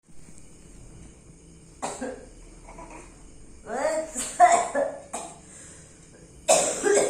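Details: Child giving a few short coughs mixed with exaggerated giggling and laughter in a quiet room: a simple cough.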